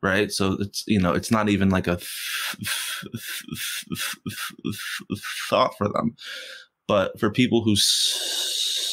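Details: Stuttering in an adult man who has stuttered since first grade; he stutters most when asking for things or saying something important.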